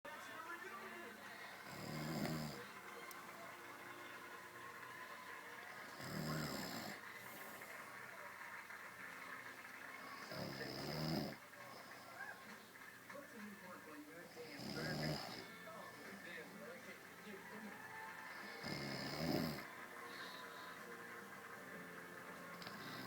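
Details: Rough, rumbling snores on each breath in, about 14 a minute, over a steady background hiss, from a sleeper who denies snoring.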